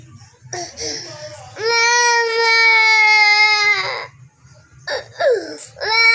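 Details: An infant gives a long, loud, high-pitched wail then shorter cries after an injection in the hip; infant pain cry.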